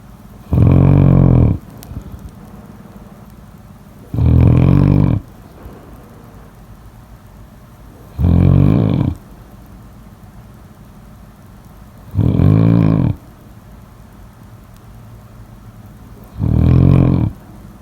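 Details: Five loud, low, rumbling snores at a steady pace of about 15 a minute, with quiet between them: snoring.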